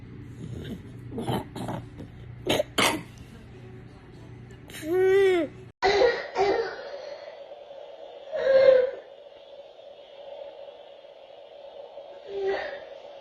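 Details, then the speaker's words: Child with croup (airway inflammation in the trachea and voice box) gives harsh, hoarse, barking coughs like a seal or dog, with a strained, tight quality between them; croupy cough, can occur at rest or with activity. "The sound is classic, where you're going to hear a barking cough, almost described as a barking seal or a barking dog, and it's going to be very hoarse."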